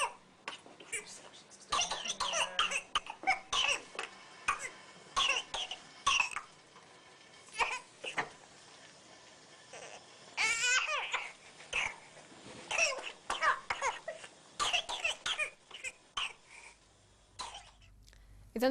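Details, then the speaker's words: Child with whooping cough (pertussis), a disease typical under six months and especially before four months, has repeated runs of rapid harsh coughs broken by a high-pitched indrawn whoop. "هذا الصوت السعال الديكي ونحنا يعني قديش تقريبا عاده كان عم بيكون يعني اه اقل من في السته شهور ولا وخاصه اه يعني اه قبل ال اربع شهور"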